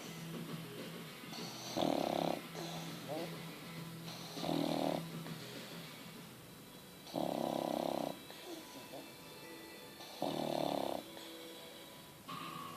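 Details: French bulldog snoring: loud, rough snores recurring every few seconds over steady noisy breathing, with faint background music.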